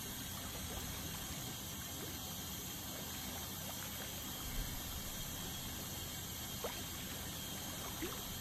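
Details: Dental scaling to remove tartar during a dental cleaning: a steady hiss of water spray and suction, with a faint high whine and small clicks.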